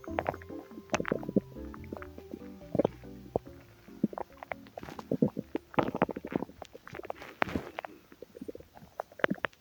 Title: Twisted tummy noices | loud stomach noises | hungry gurgles